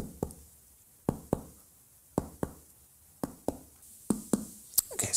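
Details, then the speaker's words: Abdominal percussion with paired finger taps, confirming liver size; the note clearly changes at the liver border during a clinical skills abdominal examination. "so we've got a good change in note there."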